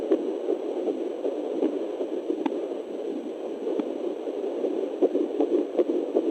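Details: Fetal Doppler at 9 weeks of pregnancy: rapid, faint whooshing pulses at about 155 per minute through steady Doppler static, the early fetal heartbeat.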